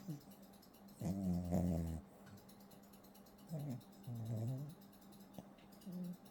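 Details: A fluffy Pomeranian (Zwergspitz) puppy sleeping on a patterned blanket, snoring with repeated throaty, buzzing, whiny breaths, several in a few seconds, over faint hum.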